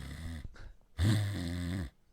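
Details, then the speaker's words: Adult human imitating a pug-like dog's reverse sneeze: loud, rattling, snort-like honks drawn in through the nose; simulated reverse sneezing, not a real dog. "that sounded like a pug. That's a reverse sneeze."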